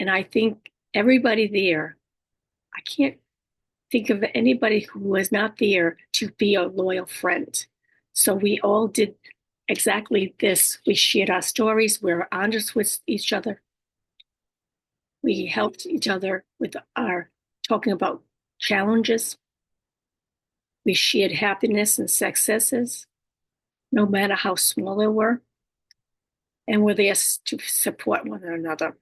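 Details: Woman with aphasia, apraxia of speech and dysarthria after a stroke, whose communication she says can sometimes be hard to understand; aphasia with apraxia of speech and dysarthria.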